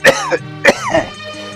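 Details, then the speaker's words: Two sharp acted coughs from an adult man, each with a short voiced tail, over background music in a Kannada comedy sketch; simulated cough. "ಇಲ್ಲ ಬರೇ ಮೂರ ಹತ್ತು ಕೆಮ್ಮುದು ಕೆಮ್ಮುದು ಕೆಮ್ಮುದು ನನಗಂತೂ ಕೇಳಿ ಕೇಳಿನೆ ಸಾಕಾಗೈತಿ"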